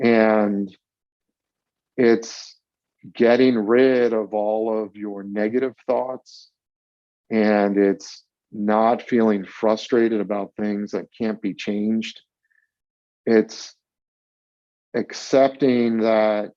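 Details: 42-year-old adult who has stuttered since about age eight, with several years of childhood speech therapy, giving a talk on accepting his stutter; stuttering.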